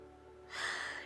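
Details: Single short, hissing burst of air against a quiet background, a small sneeze by a streamer during a live stream; sneeze.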